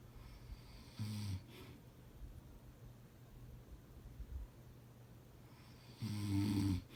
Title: Husband snoring